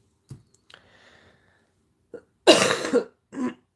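An adult gives a couple of soft throat sounds, then two harsh, loud coughs in a quiet room; a lingering cough after a cold.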